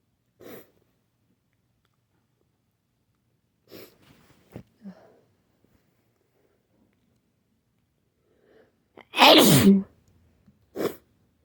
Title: Nonstop sneezing